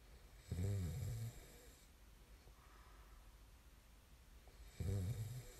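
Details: Two deep, rattling snores on breathing in, about four seconds apart, with quiet breathing between; ordinary sleep snoring recorded as snoring ASMR.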